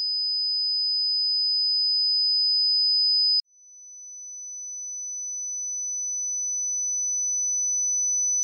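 Steady high-pitched pure tone that steps up to a slightly higher pitch; test tones for matching tinnitus pitch.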